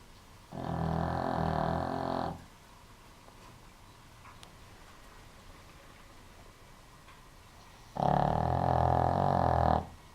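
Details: A sleeping dog snoring: two long, loud, buzzing snores about seven seconds apart, with quiet breathing between them.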